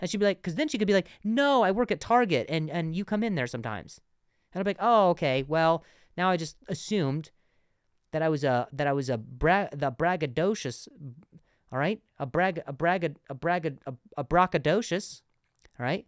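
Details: Adult man who has stuttered, still sometimes stutters though less than before, and has worked with a speech therapist; stuttering.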